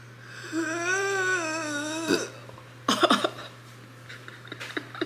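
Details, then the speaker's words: Person with self-diagnosed then treated RCPD (inability to burp) after Botox, drinking a very carbonated drink: strained, drawn-out voiced sound then a short throaty burst; effortful attempt producing only a tiny belch. "You've been doing it wrong this whole time. Let's see if I can do it again. I got a little micro one."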